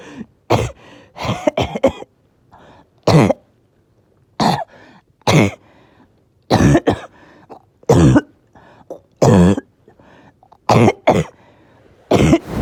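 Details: Evening coughing fit in someone whose oxygen was good all day, then suddenly hard to breathe: repeated harsh coughs in clusters, about a dozen bursts with brief pauses, in a quiet room.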